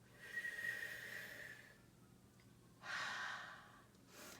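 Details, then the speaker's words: Adult female surgeon with COVID-19, day 23, right lung pneumonia, oxygen saturation 95 and pulse 128 while winded, during chest percussion therapy, does pursed-lip breathing: slow, soft hissing breaths out and in through narrowed lips with pauses. "but I'm gonna be trying to do the proper breathing which is out and in through a pursed lip and"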